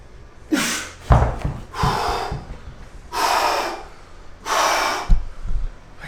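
Loud, deep breaths in and out, about four in six seconds, with thuds from gym equipment: heavy breathing after hard exertion, a normal response to exercise.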